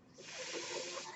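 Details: Breathing sound of the speaker's own mechanical ventilator heard while talking, one mechanical ventilator breath cycle.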